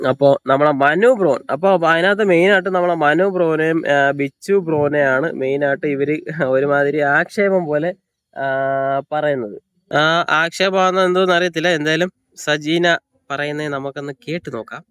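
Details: Adult male speaker; normal speech.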